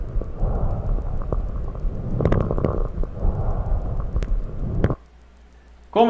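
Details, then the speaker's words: Breath sounds with brief, sharp crackling pops late in inspiration, like Velcro opening, heard mainly over peripheral lung areas via stethoscope; fine crackles (crepitant rales), teaching recording. "disse é um som bem parecido aí com o velcro abrindo né então é um som bem craque né e estertores finos que a gente escuta principalmente ali nas áreas periféricas do pulmão"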